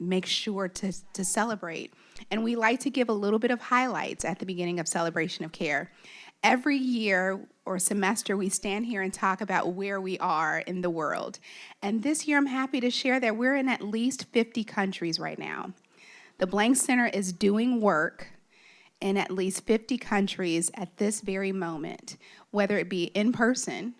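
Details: Adult woman speaking; typical speech.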